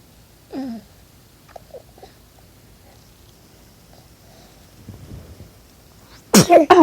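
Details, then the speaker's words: 9-week-old baby boy: soft cooing, then a quick burst of small sneezes near the end; infant sneezing. "bless you cutest sneezer ever yeah you're so cute"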